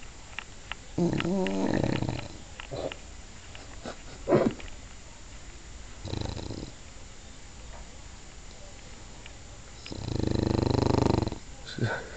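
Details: English bulldog snoring while awake: irregular snorting, rattling breaths with a longer loud snore near the end.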